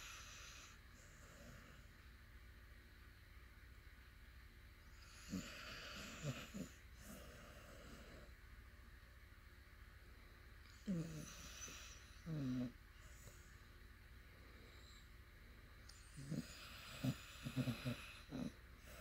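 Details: Sleeping puppy snoring: soft snuffling snores and snorts in short bursts over a steady background hum.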